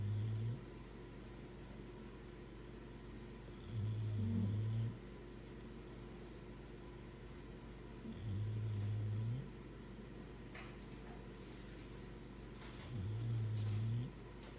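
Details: Sleeping bulldogs snoring, recorded without music: low, rumbling snores about 13 a minute, each lasting about a second, over a steady background hum.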